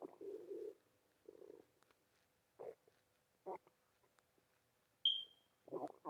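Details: Stomach rumbling (borborygmi): short, soft gurgling bursts separated by quiet gaps, with one brief high squeak.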